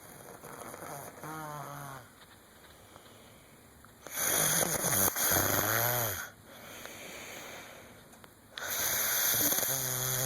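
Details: Loud, rattling heavy snoring every four to five seconds, about 13 breaths a minute, over a steady room hum.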